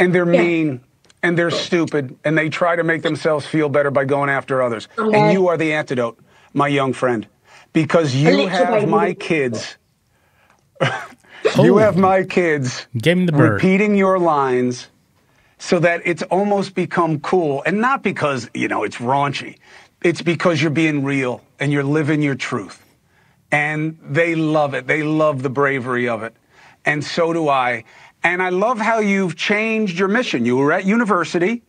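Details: Adult male speaker; plain speech.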